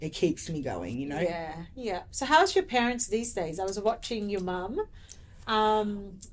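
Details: Adult woman speaking; typical speech.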